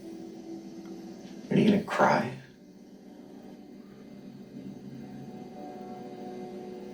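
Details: A wet, explosive two-part sneeze from an adult woman, then quiet room noise; a single sneeze.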